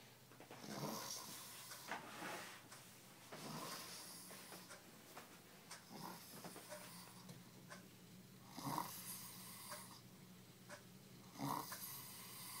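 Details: Person sleeping deeply after drinking almost a handle of vodka: irregular rasping, snorting breath noises at about 22 a minute, some with a whistling edge; snoring.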